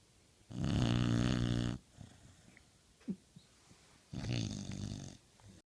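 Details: Snoring from a Pit Bull dog: two long, loud, low rumbling snores with a quiet pause between them, in a small room.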